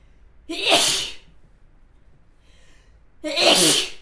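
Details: Sneezing: two forceful, hissing sneezes with a quiet breath between them in a small room.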